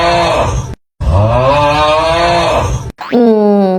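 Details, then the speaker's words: Snoring during sleep: loud, tonal, groaning snores in three bursts, noisy but judged harmless. Finding: simple snoring. "如果你睡觉打呼噜，一定要让枕边人帮你听一听。确实吵，但是问题不大。"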